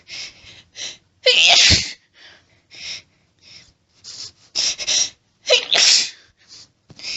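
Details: Female trying to hold back sneezes during a desperate sneeze fit, with an itchy nose, apparently off her allergy medication; several stifled, held-back sneezes with hitching build-ups and a few loud full sneezes between quick indrawn breaths.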